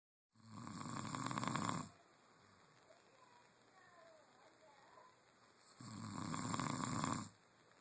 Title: The Secret Behind Snoring